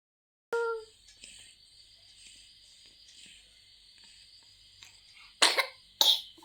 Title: Choto Vagni Cough